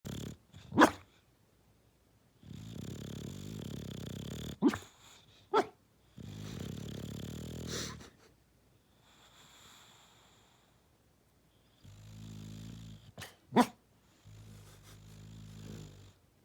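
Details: Sleeping, dreaming bulldog: loud, rattling snores with a raspy, growly quality on each breath, broken by sharp snorts; snoring.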